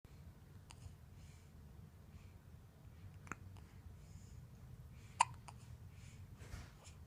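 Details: Baby girl's hiccups: a few short, sharp hiccup sounds over several seconds against quiet room noise; ordinary infant hiccups.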